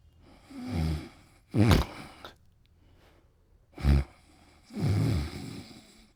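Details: Adult man snoring: rough, rattling low snores alternating with snorting breaths, about two breath cycles in six seconds.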